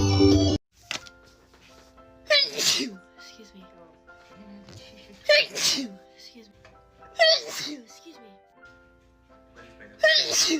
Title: Beautiful girl sneeze compilation 🤧